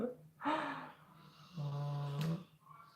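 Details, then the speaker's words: Snoring from two dogs asleep: a noisy inward breath followed by a low, steady, buzzing rattle, with quiet room noise. "all hear that snoring these dogs are snoring their butts off they're both asleep"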